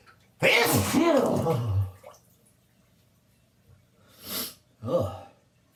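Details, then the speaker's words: Adult sneezing in a bathtub with wine after being out in the rain: a loud, drawn-out sneeze, then after a pause two shorter sneezes, in a small echoing room; sneezing. "Oh, I gotta stop sneezing. I was out in the rain."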